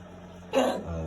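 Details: Eleven-year-old dog coughing constantly, over and over; owner only guesses it is a cough and doesn't know the cause, vet visit pending. A single short, harsh cough-like burst over steady low room hum.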